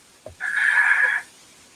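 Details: Pan-inspiratory crackles on a single breath: crackly, rough sound throughout inspiration with a quiet breath out, in a teaching discussion of fluid overload and wet breath sounds.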